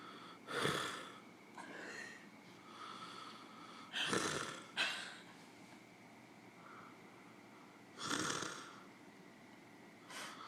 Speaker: homeboy is snoring up biggest storm I've ever heard in my life you need to catch a little earful of this